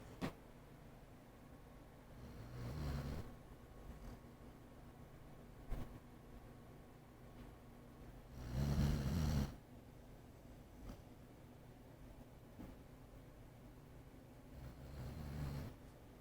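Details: Low, rough, rumbling snores about every six seconds over steady room noise; snoring.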